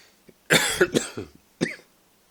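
A brief run of harsh coughs, two close together and then a third after a pause, in a quiet room.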